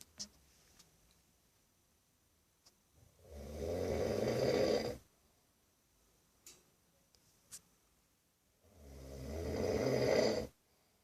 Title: My 19 year old brother snoring hahahahaha!